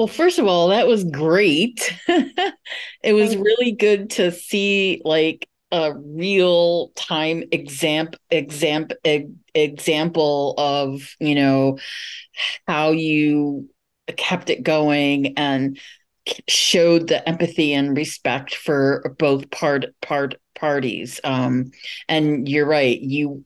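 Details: Adult webinar moderator who stutters, speaking at a stuttering association event, with part-word and whole-word repetitions such as "examp example"; stuttering.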